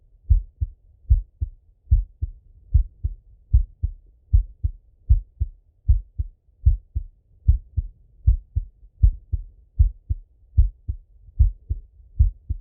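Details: Full heart auscultation of a male, recorded either sitting at a desk or lying in bed: steady paired lub-dub heart sounds at about 76 beats a minute; normal heart sounds.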